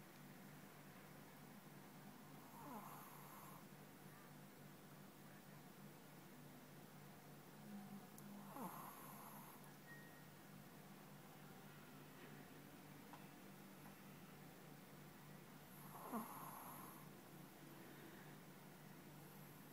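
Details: Sleeping dog snoring, said to be drunk, in three soft, rough bursts about six seconds apart over a low room hum.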